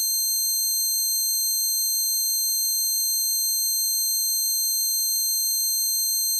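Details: Steady high-pitched ringing tones with a faint pulsing flutter beneath, a person's own recreation of the tinnitus they got from standing by an amp at a concert; tinnitus simulation.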